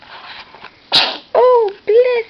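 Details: A 10-day-old newborn boy with a slightly stuffy nose, during stretching exercises: a small indrawn breath, one sharp hissing sneeze, then two short squeaky cries; an ordinary infant sneeze.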